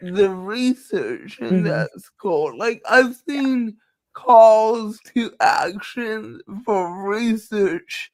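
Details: Dysarthria in a woman with cerebral palsy, who says her speech is due to cerebral palsy and nothing can be done about it.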